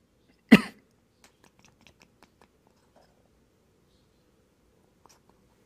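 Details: A single short, sharp human cough followed by faint rustling and small noises in a quiet room, with a cat responding.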